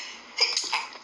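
A single sharp, hissing burst of air with a brief voiced onset, fading quickly in a small quiet room: an adult sneeze.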